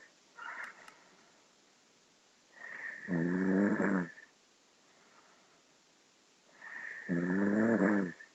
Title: SUPER ONTI SNORING